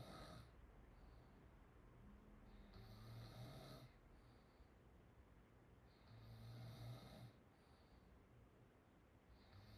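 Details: Chinese girl snoring with open-mouth sounds; snoring.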